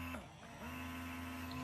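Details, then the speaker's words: Bellababy electric breast pump switched to its second suction setting, sounding louder; steady low motor hum with a brief dip in pitch. "e system it's just a little quieter and then i'm gonna if you hold the button in the middle it goes to the second setting and then even this one sounds louder i think it's maybe because the section is better"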